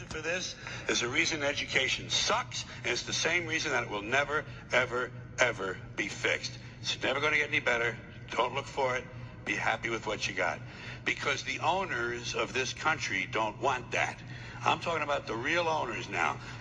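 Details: Adult male speaker; normal speech.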